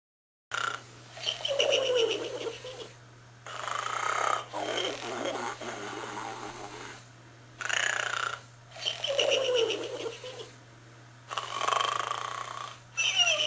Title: Kinderella Arnold The Snoring Pig Final Version